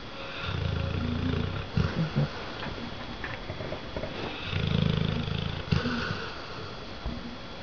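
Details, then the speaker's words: Red-nose pitbull/American bulldog snoring when tired: loud, low, rattling snores on inhalation, about two in eight seconds, with quiet pauses between. "He snores loud."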